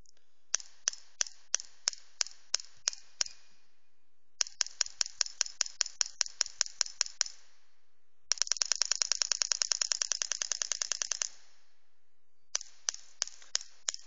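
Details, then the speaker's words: A pneumatic radial shockwave therapy device (LGT-2510B) is demonstrated in special pulse modes M1–M5 with fast and slow patterns. Sharp, repeated clicking bursts come in groups, including one fast run of rapid pulses: radial shockwave applicator firing. "now only the voice from the applicator the machine you can you can pay attention for the machine the machine is very very silent because we use very powerful uh oil your compressor"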